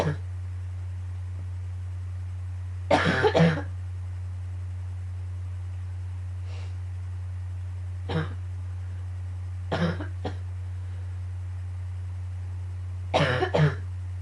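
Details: Just after waking, a morning coughing fit that started to hurt at the end: repeated bursts of dry-sounding coughs, about five clusters with pauses, over a steady low room hum.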